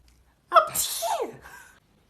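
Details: Acted, simulated imitation of how people in different countries sneeze: a single sharp sneeze with a quick indrawn breath, an explosive burst and a short trailing breath, with music; sneezing.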